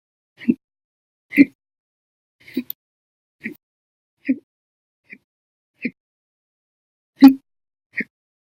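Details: Hiccups episode on 9/2/19 lasting 13 hours 1 minute, after breakfast, lunch and a cup of soda after dinner: nine short, abrupt gulping hiccups of varying loudness in a quiet room.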